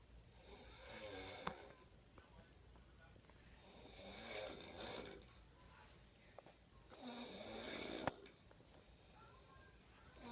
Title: Snoring bro be like!!! 😂